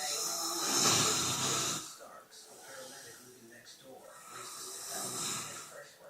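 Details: Man snoring: rough, noisy breathing with a loud hissing rattle on one breath and a softer one a few seconds later.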